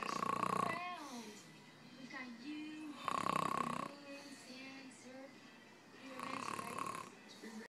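Loud, rattling snores repeat every few seconds, with softer wavering breath noise between them.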